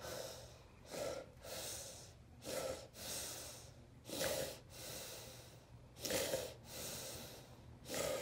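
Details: Adult man during a generalized tonic-clonic (grand mal) seizure preceded by déjà vu aura, kept on his side: loud irregular snoring, snorting breaths with gasps, about 33 a minute; stertorous obstructed breathing.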